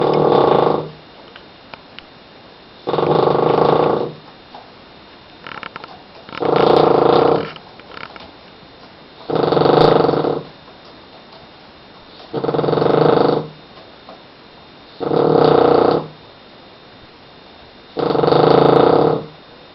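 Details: Sleeping peacefully yet snoring: loud, regular rumbling breaths about every 2.5 seconds, roughly 24 a minute, with quiet gaps between; snoring.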